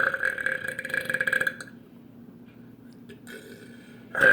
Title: ✔Burping for our subscribers with his new Mohawk waiting for his mom to do another burp off round 3✔